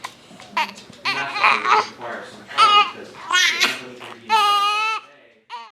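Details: Infant with hiccups, appearing uncomfortable: high-pitched babbling building into brief fussing cries, with a short pause between bursts.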